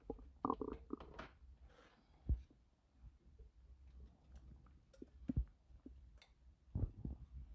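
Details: Woman 5 months pregnant feeling uncomfortable while doing housework (title claims near-miscarriage): quiet low gurgles and scattered squelches over room hum. Stomach growling (borborygmi).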